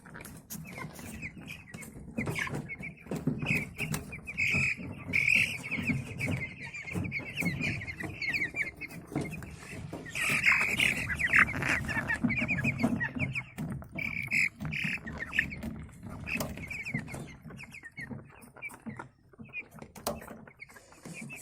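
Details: Broiler chicks on day 5 of antibiotic treatment, still wheezing and sneezing, one lost: brooder of peeping chicks with frequent short snicks and rattly, wheezy breath sounds; respiratory rales.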